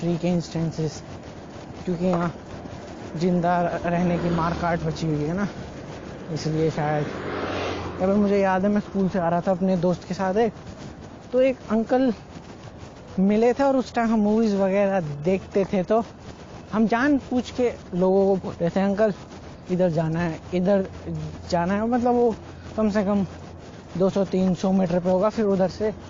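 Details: Man who stutters (stammers), speaking Hindi, doing daily speaking practice to see whether it changes his speech; stuttering.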